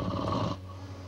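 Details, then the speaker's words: Loud, low, rattling snore on inhalation from a sleeping adult man who, according to doctors, has obstructive sleep apnea. "doctors say he suffers from obstructive sleep apnea a disorder that causes snoring"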